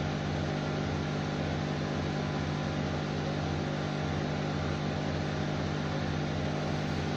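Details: Fractional CO2 laser machine operating: loud steady mechanical hum with a fast, fairly regular pulsing underneath.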